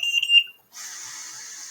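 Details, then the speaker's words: Trilogy non-invasive ventilator used invasively on a pig lung via endotracheal tube, as a teaching demo for respiratory therapy students. Brief high-pitched start-up beep at switch-on, then a steady airflow hiss as breaths begin. "so from the mask to the endotracheal tube now I'm going to turn on the ventilator"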